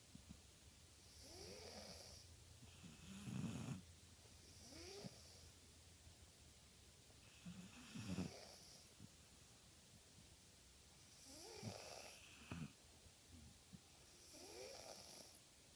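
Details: 10-year-old boy and his dog sleeping on a sofa, unclear which is snoring: soft, irregular snores with some snorting, about 13 a minute; ordinary snoring.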